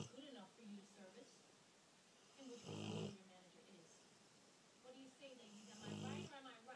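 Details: Two loud, throaty, rattling snores about three seconds apart with softer whistling breaths between, from a sleeping 2-year-old female Rottweiler; snoring.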